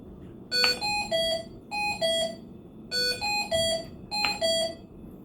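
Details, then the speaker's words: Repeated bright multi-tone beep sequences: ventilator low-pressure alarm on neonatal CPAP training setup, pressure lost through an open humidifier and circuit leaks; a low-O2 alarm, limit set at 25 with oxygen at 21, also sounding. "and then if you're still getting this alarm like this low pressure alarm um our humidifier is open right now so we're losing pressure right there"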